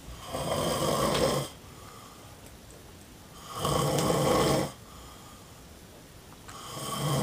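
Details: Snoring man, with loud, rough snores about every three seconds, each lasting over a second, and quiet pauses between them.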